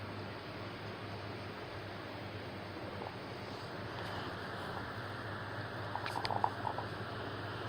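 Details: Hunger stomach growling (borborygmi): faint stomach gurgles and brief squeaky rumbles over a steady background hum.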